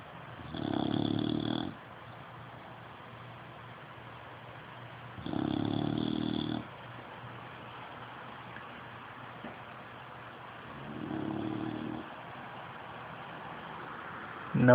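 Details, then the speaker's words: Sleeping dog snoring, dozing between bouts of chewing: slow, rumbling snores about every five seconds, roughly twelve a minute. "Seems as somebody has fallen asleep."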